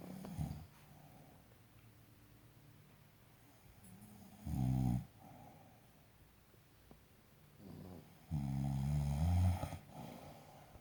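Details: Two rough, low rattling snores about four seconds apart over quiet room noise; ordinary snoring.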